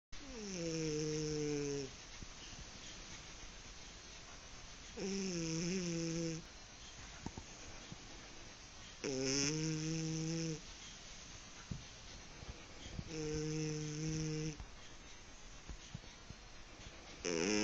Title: my snoring kitten :)